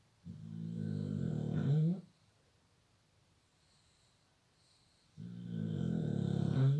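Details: Snoring during sleep: two long, low, rumbling snores separated by a few seconds of quiet.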